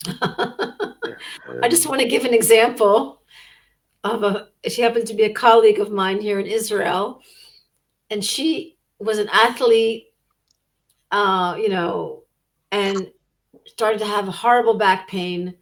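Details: Adult speaker; ordinary speech.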